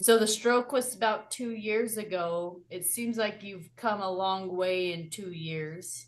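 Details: Adult interviewer; normal speech.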